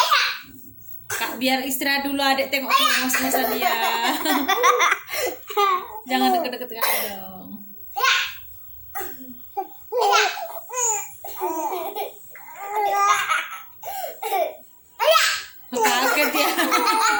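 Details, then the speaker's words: A young child laughs hard and long, then breaks into a run of short coughs as the laughter fades. "Aduh kelabasan ketawanya sampai batuk-batuk"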